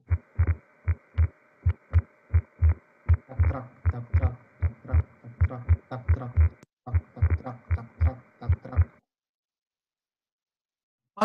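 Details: Cardiac auscultation with a regular heartbeat near 78 a minute and a clearly doubled second sound that stays widely split and does not vary with inspiration: fixed wide splitting of S2.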